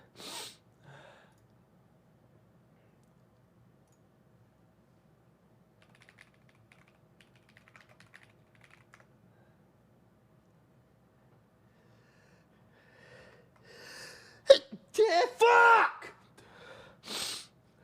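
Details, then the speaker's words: Adult streamer at a keyboard: quiet typing, then a loud burst of sharp, explosive, powerful sneezes, part of a repeated sneezing run; sneezing. "I'm gonna keep sneezing too. Fuck. Alright, forgot password. Unlucky. I'm literally getting spam sneezed."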